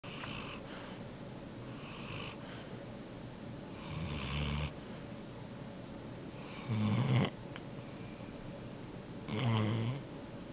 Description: Video of Yellow Lab asleep snoring aloud.